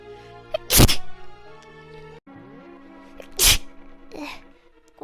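Two sharp sneeze bursts over steady background music; ordinary sneezing.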